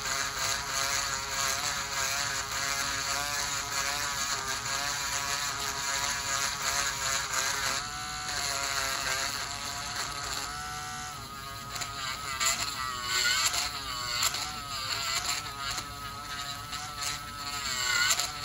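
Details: Male dialysis patient, one year on dialysis, with high blood pressure and thickened fungal toenails: high-pitched whirring buzz of a podiatric nail drill rising and falling in pitch as it thins the nails.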